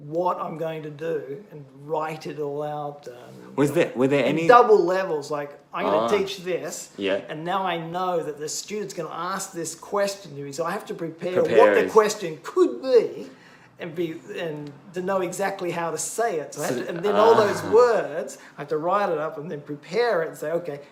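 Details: Adult male bilingual (English and Japanese), stroke four years earlier during heart surgery after a missed heart attack; expressive aphasia in both languages, initially lost reading and writing, uses circumlocution, cognitive fatigue, language reportedly down to about 50-60 percent; expressive aphasia.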